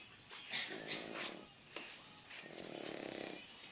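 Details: Dog named Otto snoring while asleep: soft, hissing, snuffly breaths, two in under four seconds, with light background noise.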